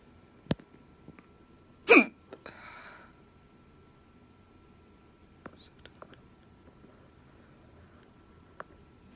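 One sharp, abrupt voiced gulp with a brief breathy tail in a quiet room, typical of a hiccup.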